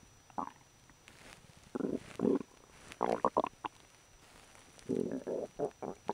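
Bursts of gurgling, rumbling stomach growls in a quiet room; ordinary bowel sounds.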